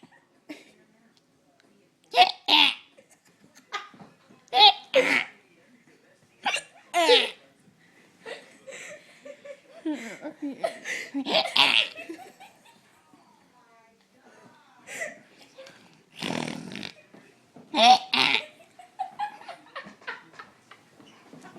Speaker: I got the I got I got hiccup. So I I'm hiccuping.